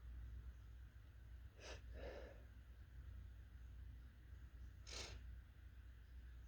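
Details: Two strong, forceful sneezes, quiet bursts over a steady low background hum; ordinary sneezing.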